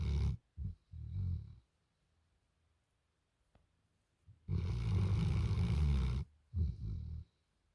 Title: Snoring Dog